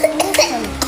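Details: Young child coughing after waking in the middle of the night, around 2:30 am: brief, sharp cough bursts over a steady tonal background hum.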